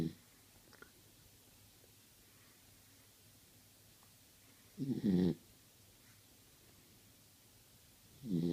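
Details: Low rattling snore bursts on inhalation from a Beagle, several seconds apart, about 19 a minute; owner says the dog snores while still awake; snoring.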